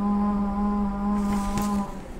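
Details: Patient sustaining a vowel on request before voice therapy; puberphonia (high-pitched voice).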